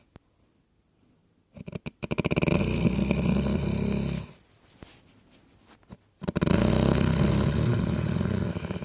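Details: Dog snoring: loud, rattling snoring in two long noisy breaths with a fluttering vibration, separated by a quiet pause; ordinary snoring.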